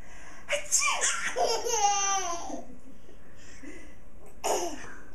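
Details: Laughing that turns into a sneeze.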